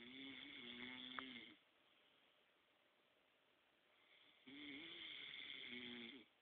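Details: Boyfriend snoring: two loud, buzzing snores with a fluttering, tonal quality, separated by a quiet pause between breaths. Typical snoring.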